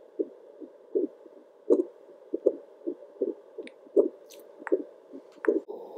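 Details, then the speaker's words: Adult's own heartbeat recorded with a Doppler monitor for ASMR at 1:13 a.m. Steady whooshing pulses over faint static, consistently 80 beats per minute; a regular, normal heart rate. "i really hope that the static is not too distracting but my heartbeat is definitely pretty consistent 80 beats per minute thank you"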